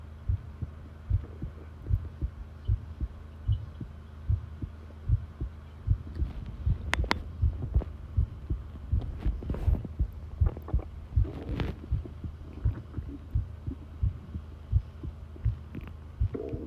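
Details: Heartbeat from a long recording made while listening to the pounding heart: steady, low thumping beats at about 80 per minute with a faint hum and some rustling.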